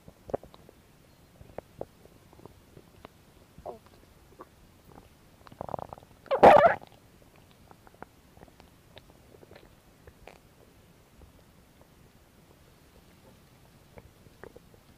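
Soft gurgles and clicks with one louder drawn-out rumble; ordinary stomach growling from gas and fluid moving through the gut.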